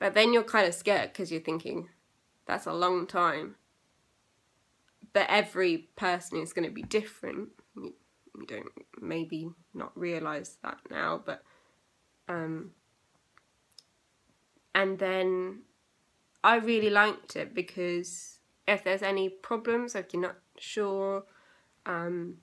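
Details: Young woman with aphasia eight years after a stroke at age 18; still has problems with reading, writing and saying numbers.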